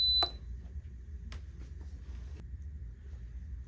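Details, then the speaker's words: Drive iGo2 portable oxygen concentrator powered on by holding the on/off button for 2 seconds: a single short high-pitched start-up alarm beep, then faint clicks and quiet room hum. "to turn on your igo2 portable oxygen concentrator this is your on and off button hold this for 2 seconds and you hear the alarm the machine will start up"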